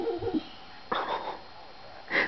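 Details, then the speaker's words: Soft, high, drawn-out whines and whimpers from a female dog at home the day after her second cruciate (ACL) repair surgery, left hind leg, right leg repaired months earlier; post-operative crying from pain and discomfort. "was her worldly little pathetic sound that she makes i'm just really pathetic sounding tumor"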